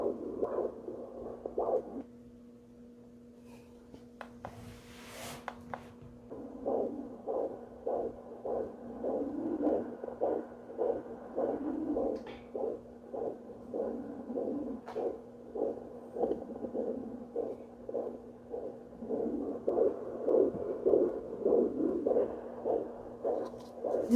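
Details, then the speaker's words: Home fetal Doppler used on a pregnant woman's belly, third pregnancy, around 11 weeks: rhythmic whooshing pulses at about 100 a minute, which she thinks is probably placental blood flow rather than the fetal heartbeat. "see the difference on my blood flow see this is the blood flow sound"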